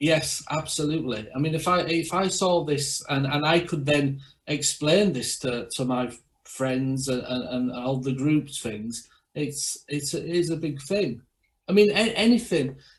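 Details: Aphasia in a male stroke survivor speaking at an aphasia awareness forum.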